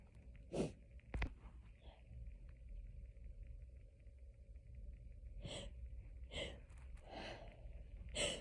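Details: Hay fever sneezing fit, edited loop of 6½ minutes: several sharp sneeze bursts in close succession over a steady low background rumble.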